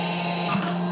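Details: Comfort Cough Seoil Pacific SICC2001 New mechanical insufflator-exsufflator with low-resistance filter and mask, set to inhale/exhale/pause cycles with adjustable pressure (e.g., 30) and high or low flow; steady motor hum with low tone and airflow hiss.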